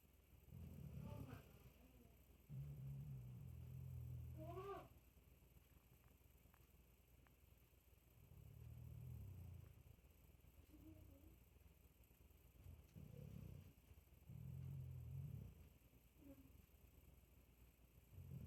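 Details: Sleeping cat snoring: soft, low rumbling snores in slow repeated bouts with a few small chirps between; snoring.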